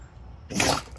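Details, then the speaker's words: Female Basset hound puppy sneezing on her own hair: a single short, sharp sneeze after a quiet moment. "bless you. Sneezing on her own hair."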